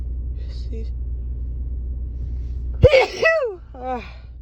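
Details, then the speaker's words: Female adult catching a cold confined to the nose, with no cough or sore throat: a single forceful sneeze from tickly bouts, followed by breathy voiced groans over a low room hum. "yeah no coughing or sore throat or anything so far just uh he's a little bouts of tickly sneezes oh excuse me it's like I get sort of a three or four second pause before it tickles again"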